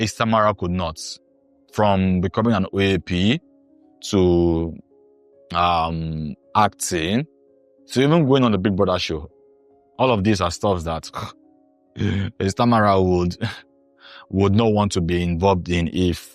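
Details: Imitated stuttering (stammering), acted by a man who is a former stammerer portraying a hesitant doctor who repeats words.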